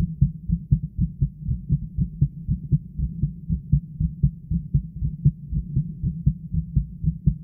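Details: Own heartbeat heard through a listening device on the chest: steady, regular, low muffled thumps. Continuous pressure on the heart made the upper body sway after a while.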